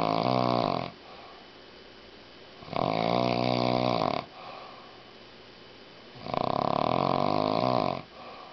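Three loud, buzzing, drawn-out snores about every three seconds, roughly 20 breaths a minute, with quiet gaps between; heavy snoring.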